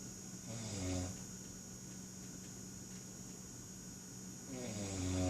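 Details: A person snoring: two low, fluttering snores about four seconds apart over a steady background hum.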